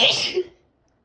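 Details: Loud sneezing on a rainy evening: a single sharp, loud, hissing burst of air that fades within half a second; sneeze.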